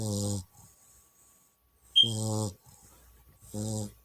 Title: Enzo my chow puppy snoring loudly 🤣❤️